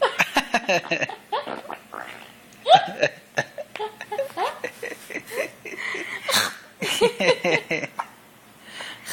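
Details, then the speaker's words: Baby with hiccups: short, sharp, repeated jerky catches of breath mixed with giggles and soft vocal sounds. "Oh no. Oh, hiccups. He gave you hiccups."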